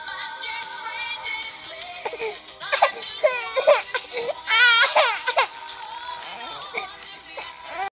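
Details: An infant crying while a singer's "All I Want for Christmas" plays loudly: several short, high-pitched wailing cries over the pop music.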